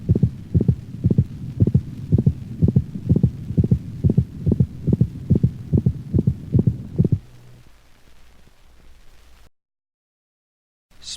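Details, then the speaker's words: Dog heart sounds: fast regular canine heartbeat about 140/min with a high-frequency systolic click over the mitral valve region, not heard with every beat, which may antedate mitral insufficiency. "the systolic click is a high frequency sound commonly heard over the mitral valve region it is not heard with every beat"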